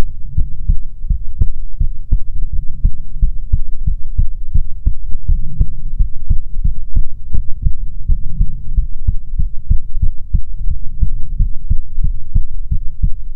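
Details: ASMR heartbeat audio made for relaxation: steady, deep, muffled heartbeats at about 80 a minute over a constant low hum; normal heartbeat.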